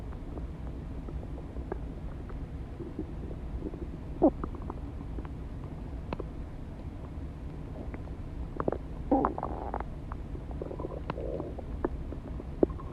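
Occasional gurgling, squeaky rumbles over a steady low background hum; ordinary stomach growling from gas and fluid moving through the gut.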